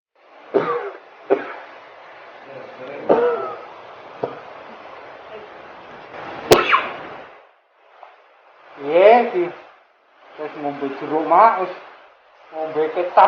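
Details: Acted scene: an adult man, coughing for 3 weeks without a check-up, gives about five harsh, separate cough bursts, then some voiced sounds, portraying a chronic cough suspected to be tuberculosis.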